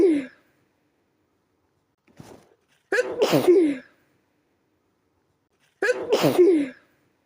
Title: A Midnight Sneeze Attack